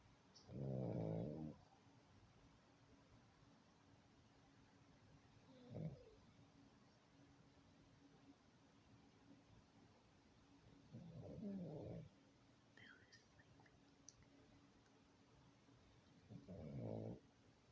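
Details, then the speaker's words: Lulu, a sleeping animal, snoring softly: low rumbling snores about 11 a minute with quiet pauses between breaths. "Who's sleeping? Just sleeping and snoring."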